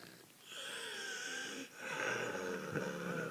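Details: Continuous high-pitched musical whistling across two breaths, typical of wheezing from narrowed airways; wheezing recorded 23 June 2019.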